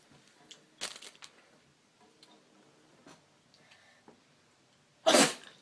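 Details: Person demonstrating different ways to sneeze, a few quiet sharp bursts in a small room, then one loud explosive sneeze near the end; sneezing.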